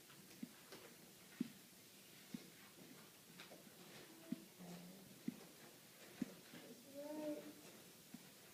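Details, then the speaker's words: Head-to-toe assessment: repeated soft squeezes of a hand bulb, about one a second, pumping up a manual blood pressure cuff by palpation to estimate the systolic number, about 90–100; blood pressure cuff inflation. "All right, so just pumping up this cuff to see where that top number in your blood pressure is."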